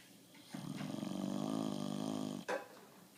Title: Bulldog Snoring